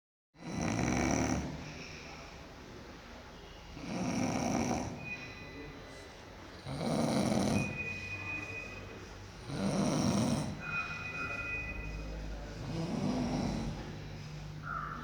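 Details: Loud rumbling snores recurring about every three seconds, roughly 20 a minute, with quieter breathing between them: snoring.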